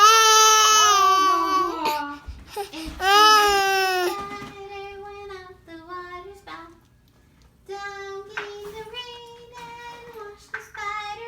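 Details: Infant boy crying after being startled by his father's sneeze, being soothed with a song: loud, high-pitched crying in bursts that fades into softer whimpers in a small room.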